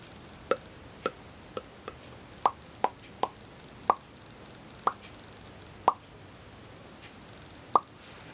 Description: My lip popping is a stim that drives other people bonkers. It's a tactile and auditory sensory-seeking stim.